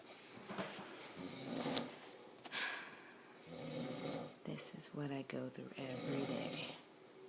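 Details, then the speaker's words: Loud, rough snores on each breath, some rattling and some whistling, with brief snorts, from an adult man asleep sitting on a couch with his mouth open in the evening; heavy snoring. "6:55 p.m. and he's sitting on the couch, snoring loud. Listen. With his mouth open."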